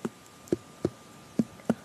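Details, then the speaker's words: Traditional Chinese medicine abdominal exam, percussion taps over the abdomen; louder hollow note over the stomach, some air, likely hunger, not yet bloating, no tenderness: tympanic abdominal percussion note. "嘿，我们可以听到吼，哦，这个胃这个地方比较大声，这里好大声，对，其他地方就还好。因此可以观察出来它如何，它其实吼，就是这边有点空气的声音啊，应该是肚子饿了，啊，还没有到胀气的表现这样子。"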